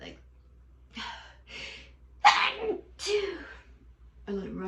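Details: Breathy in-breaths followed by two sharp, partly held-back sneezes, then a brief voiced sound; stifled sneezing in a quiet room.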